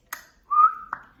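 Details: 18-year-old woman with Tourette syndrome, considered severe and limiting, late diagnosis, tried many medications: brief, sudden whistle-like vocal tic between speech.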